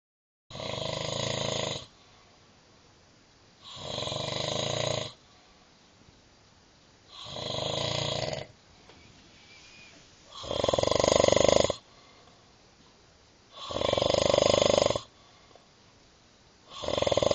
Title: Crazy snoring